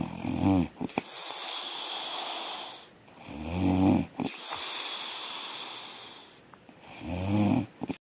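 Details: Three loud, rumbling snores on inhaling, each followed by a long breathy exhale, about 20 breaths a minute; loud snoring.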